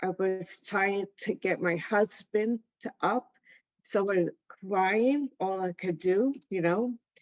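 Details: Adult woman, stroke survivor with aphasia, attending an aphasia center; aphasia.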